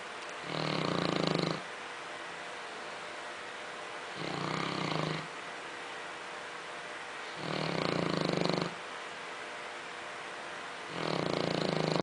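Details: Dog snoring: loud, rough snores in long regular bursts, about 16 a minute, over a steady background hum.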